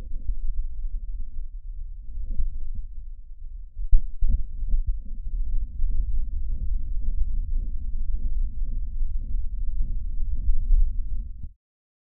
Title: BOAS Functional Grading System Grade 0